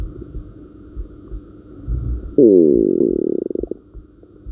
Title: Stomach Growl + Heartbeat